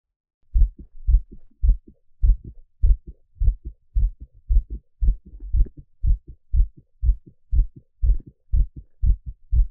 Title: Peaceful heartbeat sound